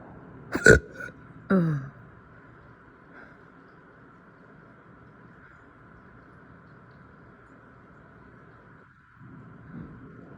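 Two abrupt, voiced throat bursts like a hiccup and a burp, then steady room hum; ordinary hiccups.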